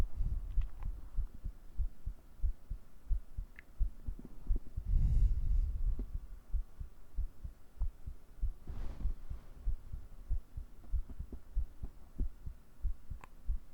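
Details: ASMR roleplay recording of an adult man's heartbeat, captured with a 3Dio binaural mic: soft, low, repeated thumps heard close against the body, with occasional rustling.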